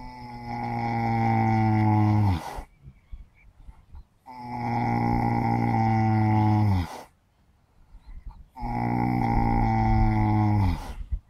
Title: Horse Snoring Loudly! Super Cute!